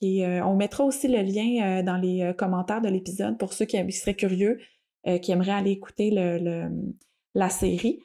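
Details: Stuttering in an adult woman who stutters, speaking conversationally in French.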